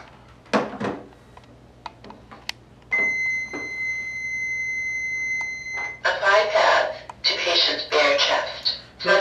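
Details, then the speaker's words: XFT AED trainer in a simulated training demonstration: a steady electronic alert tone of about three seconds, then voice prompts: do not touch the patient, shock advised, charging, stay clear, press the orange button, shock delivered, begin CPR. "heart rhythm do not touch the patient shock advised charging stay clear of patient deliver shock now press the orange button now shock delivered begin cpr"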